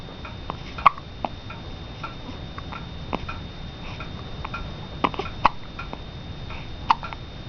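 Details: An 11-day-old baby girl with hiccups: brief sharp clicks recurring irregularly, about six over seven seconds, against steady room hiss.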